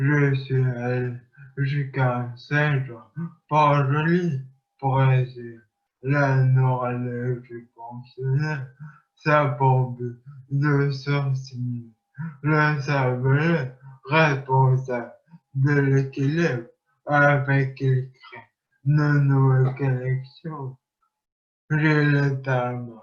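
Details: Man with acquired speech impairment after traumatic brain injury, who has undergone rehabilitation and relearned to speak.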